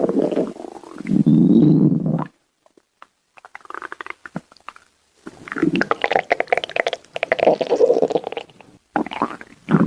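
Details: Stomach growling (borborygmi): low gurgling rumbles and bubbly squeaks in bursts with short silent gaps.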